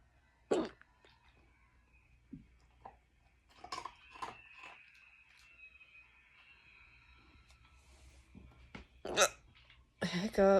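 Brief, abrupt throaty catches recurring at irregular intervals in a quiet room, with some clicks and handling noise; hiccups.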